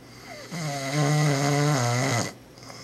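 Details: Father recorded while asleep; a loud, long, rough, droning, buzzing snore on one breath that ends abruptly; snoring.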